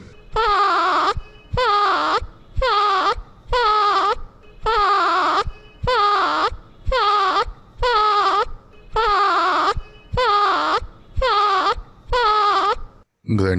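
Rhythmic voiced grunts on each breath out, about 55 a minute: expiratory grunting, a sign of respiratory distress.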